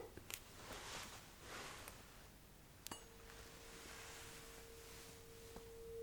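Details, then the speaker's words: Tuning fork hearing test in a roleplay cranial nerve exam: a sharp metallic strike, then a steady pure hum as the fork is placed behind the ear, then near the ear canal. "So first I will put it behind your ears and then I will put it a little bit closer to the ear itself to the ear canal and you are actually going to tell me when you can't feel the vibration or hear the sound anymore."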